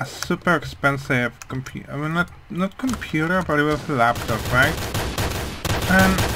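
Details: Male speaker who attributes how his voice sounds mainly to a hearing problem, not his accent; speech of a person with hearing loss.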